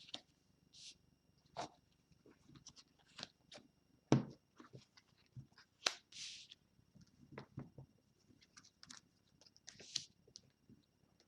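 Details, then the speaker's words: A small pet dog, asleep in the room, snores with soft, irregular snorting and snuffling breath noises. "mon petit chien en carnet qui adore dormir donc comme ce sont des petits chiens qui ronfle et bah c'est lui que vous entendez voilà"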